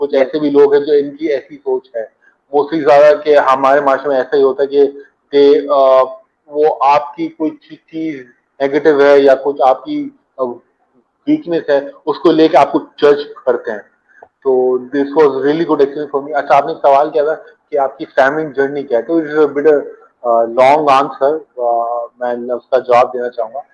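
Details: Adult man who stammers; stuttering.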